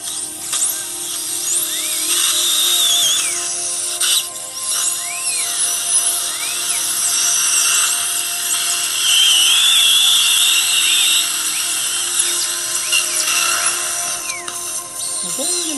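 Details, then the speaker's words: High-pitched whining surgical dental drill in rising and falling bursts while sectioning a lower left third molar during surgical extraction. "We've made a little gutter to create some space."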